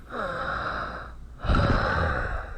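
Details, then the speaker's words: Chest auscultation: breath sounds with several simultaneous musical whistling tones, louder on one phase, as in bronchospasm such as COPD: polyphonic wheezes. "e os polifônicos têm diferentes broncoespasmos Como pode ocorrer no DPOC né"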